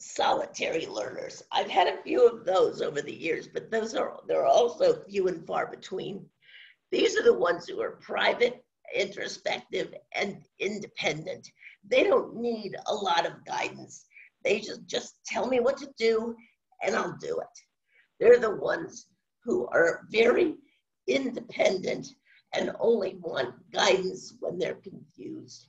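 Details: Woman with spasmodic dysphonia, which she says has no cure and has worsened since onset around 2010; she receives Botox injections for it; spasmodic dysphonia.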